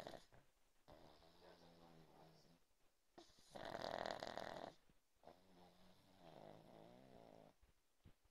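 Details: Pug snoring: snuffling, whistling snores with one louder wheezy snort midway, in a quiet room.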